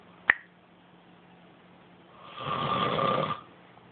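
A sharp click, then a single rough, rattling breath sound lasting about a second: one snore.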